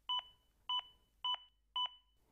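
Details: AED Plus during CPR demonstration: four evenly spaced double-tone electronic beeps, roughly 100 a minute, the device's metronome pacing chest compressions.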